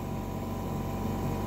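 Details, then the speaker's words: Steady low mechanical hum from the air compressor of a newly installed Oxy Vent 9C Plus ventilator, just switched on, with the air line reading 61 PSI; both air and oxygen pressures should stay below 70 PSI. "we have switched on the compressor as you can see the air column is showing a pressure of 61 PSI so the pressure in both air and oxygen is supposed to be below 70 PSI"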